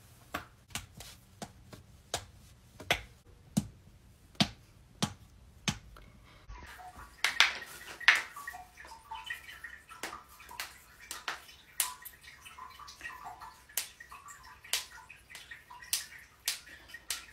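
A series of sharp, dry pops and clicks, typical of harmless joint cracking.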